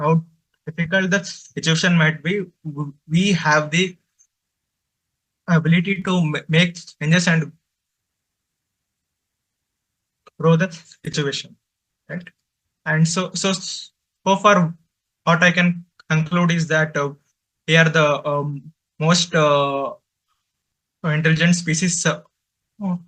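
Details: Male adult presenter from a stammering association who says he stutters, finds speaking difficult, especially with different people, and has blocks while speaking; stuttering.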